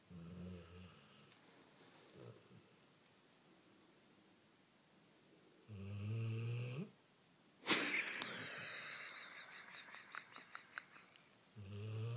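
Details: Snoring: low, buzzing, rattly snores recurring every few seconds in a quiet room, with one louder rustling sound in between.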